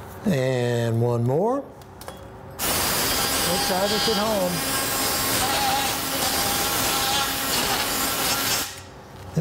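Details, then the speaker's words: Surgical bone saw in a knee replacement demonstration on a practice model femur: a brief motor whine, then loud, harsh buzzing as the blade shapes the end of the bone, throwing bone dust. "And, again, take a saw blade and shape the end of the bone. We're getting dust everywhere."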